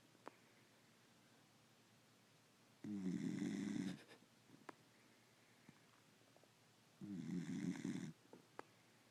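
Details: Dog asleep on owner's lap snoring: two buzzing, rattling snores about four seconds apart, roughly 14 a minute, over steady room hiss.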